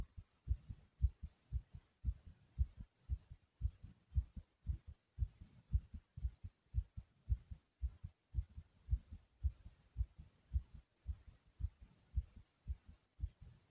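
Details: Person's own heartbeat recorded after doing several exercises: loud, fast, regular beats about 113 a minute, exercise-induced sinus tachycardia.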